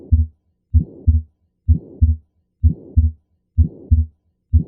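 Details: Pulmonic stenosis at a regular heart rate near 63 a minute: a harsh crescendo-decrescendo mid-systolic murmur, often with a systolic ejection click, possibly with split S2 from delayed P2.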